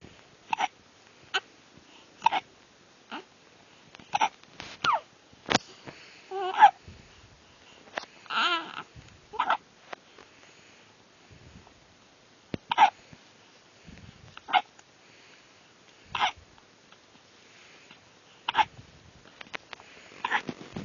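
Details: Baby's hiccups: short, sharp hiccup sounds repeat about every second or two, with a few small vocal noises between them.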